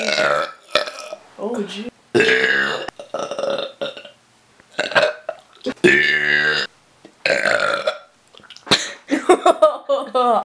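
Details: Burp compilation of a cousin's belches: a string of loud, drawn-out voiced belches, possibly from several people, with brief talk between them.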